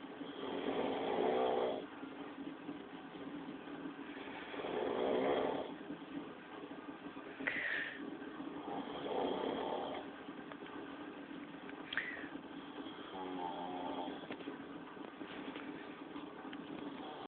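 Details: Snoring: rhythmic, harsh snores about 15 a minute over steady background noise.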